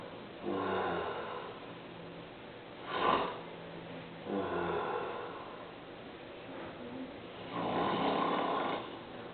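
Slow, rough, vibrating breaths repeating every few seconds, with a snort between them: loud snoring.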